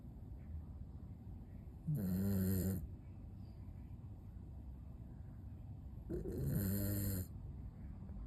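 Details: Two rattling, low-pitched snores about four seconds apart, with quiet breathing between, from a sleeping toy poodle: ordinary harmless dog snoring.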